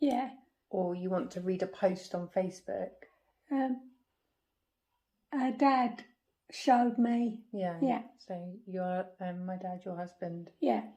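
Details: Woman with aphasia after a stroke at age 46 damaging the brain's language area; halting speech with word-finding pauses; non-fluent expressive aphasia.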